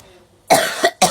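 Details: Adult woman coughing fit while doing her makeup: after a brief quiet pause, about three harsh, forceful barking coughs in quick succession.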